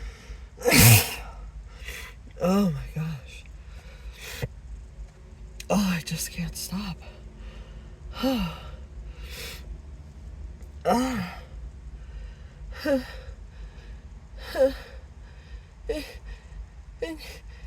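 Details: Acted sneezing fit; the person suspects an allergy and says something got up the nose and tickles. About seven or eight sneezes, each with a sharp in-breath and a following gasp, over soft music.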